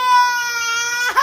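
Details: One sustained, high, steady-pitched cry from a young child crying for biscuits, ending in a brief break; crying.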